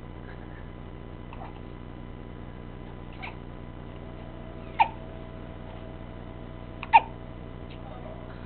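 Two distinct, short, sharp hiccup sounds about two seconds apart, with a few softer ones before them, over quiet room hum.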